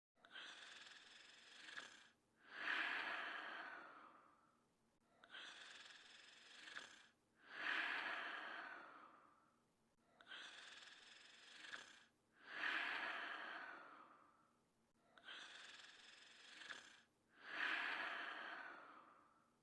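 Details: Person asleep: slow, regular, noisy breaths at about 12 a minute, each with a rough inhale and a long exhale; snoring.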